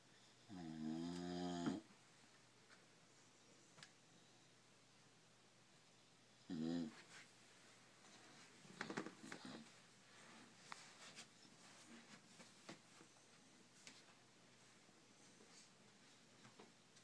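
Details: Bulldog snoring loudly: two rattling snores on inhalation several seconds apart, with quiet breathing and room noise between them.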